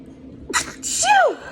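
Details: Single adult morning sneeze during breakfast, with the speaker referring to cats and dust: a quick intake, then a sharp explosive burst with a voiced tail.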